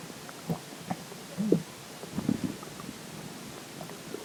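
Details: Stomach growling after drinking water: soft scattered gurgles and squeaky bubbling over steady room hiss; ordinary borborygmi.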